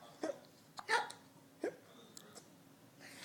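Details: Infant girl held by her grandfather, with hiccups that won't stop: several short, sharp hiccup sounds a few seconds apart in a quiet room.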